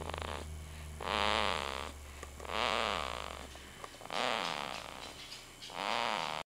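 Four loud, rough, rattling snore bursts in about six seconds, separated by brief quieter breaths in a small room; snoring.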